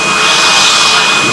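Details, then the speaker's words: Dental drill during a medium-sized filling done under hypnotic anaesthesia instead of local anaesthetic: steady loud high-pitched whine running continuously while the patient is guided through hypnotic suggestions. "I just go back to the ceiling and I turn it a d down and it would be gone yeah and a couple of seconds later the drill would be gone anyway"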